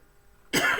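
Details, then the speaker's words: Adult teacher with a flu-like illness and a heavy cough, sipping mate to keep the throat moist, gives a single harsh cough after a short quiet stretch during a lecture; cough. "les pido disculpas por estar tomando mate pero como estoy con mucha tos porque estoy con un estado gripal el hecho de mantener la garganta no seca sino humedecida este me hace toser menos"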